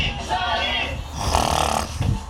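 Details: Loud, rough, rattling breathing with a snorting quality over a short stretch; snoring.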